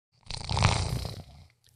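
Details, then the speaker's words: A sleeping golden retriever dog gives a short, low, rumbling snore; snoring. "Are you snoring right now?"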